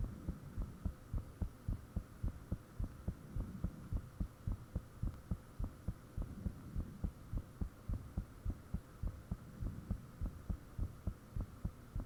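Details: Own heartbeat recorded with the fan off, shortly after the heart began feeling thumpy: steady, loud thumping at roughly 105 beats a minute, mildly fast, with a faint hum; the recorder believes valve and blood-rushing sounds are audible.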